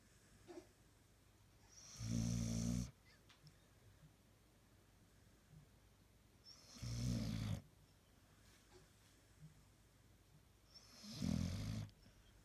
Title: Snoring Dog Zukey TAKE 1